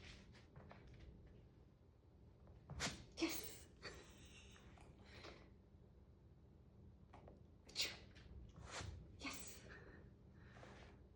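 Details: Sneezing on cue during a training session: a few sharp, breathy sneeze bursts with quiet gaps between them in a small room; an ordinary sneeze.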